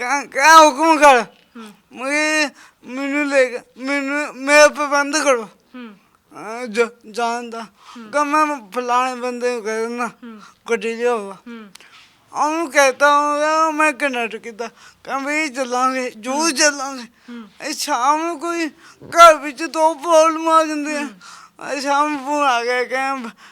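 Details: Young man with a disabled hand and a speech problem present since birth; stammering (stuttering).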